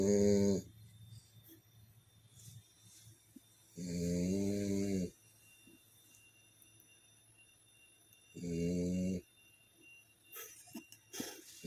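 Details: French Bulldog sleeping and snoring.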